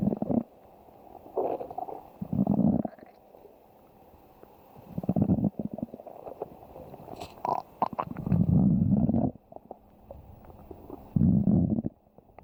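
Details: Low rumbling gurgles in irregular bursts of a second or two; ordinary stomach growling (borborygmi).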